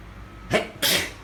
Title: Weather changing... sneezing! Pt. 2